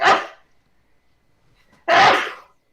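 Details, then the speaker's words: Adult man sneezing during a livestream, feeling more coming: two loud, explosive sneezes with a quiet pause between them; reports past runs of up to 29 sneezes. "I can keep sneezing because I can feel another one in there. Oh, Sneezy going on there."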